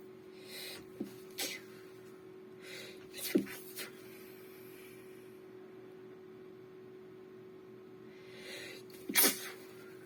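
Several short sneezes against a steady room hum, with the last one the strongest.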